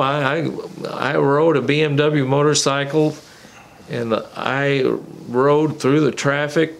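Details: Adult man with Wilson's disease who also has tremor, walking difficulty and seizures, taking anti-seizure medication he says makes his speech less clear; dysarthria (slurred speech) in Wilson's disease.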